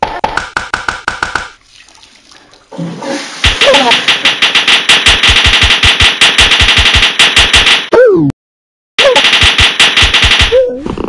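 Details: Person's own recorded seizure: fast, repetitive staccato vocal bursts about three per second, with brief gaps and rising-falling cries; ictal vocalization.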